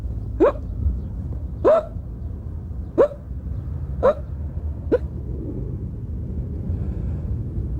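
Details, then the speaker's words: Five abrupt voiced gulps about a second apart over low room hum, from a man describing an appalling attack of hiccups, filmed for a candid camera prank; hiccups. "I find which which works is for someone to give me a shock [Music] sorry should we strip off I don't know what your cure is I haven't got one the only cure I find is for somebody to give me a shock suddenly"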